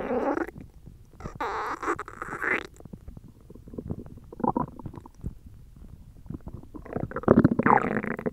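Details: Hungry belly noises: low gurgling rumbles and bubbling growls in bursts from an empty stomach; ordinary hunger growling (borborygmi).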